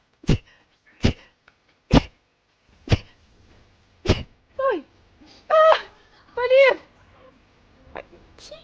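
Five sharp, evenly spaced sneezes in quick succession, then whiny vocal sounds and a final small sneeze; a rapid sneezing fit.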